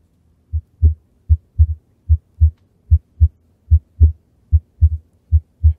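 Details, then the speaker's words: Heart listened to at the mitral area of an adult who reports a mild mitral valve problem; steady heartbeat near 74 a minute with a faint murmur, confirmed by the listener as definitely a murmur. "Megan I actually have a mild problem with my mitro valve should we see if the students can hear it"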